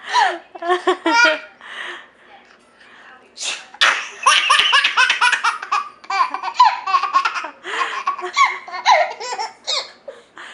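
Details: A single sharp, explosive sneeze, then bursts of hearty infant giggling and belly laughs in a small room as the baby laughs at the sneeze.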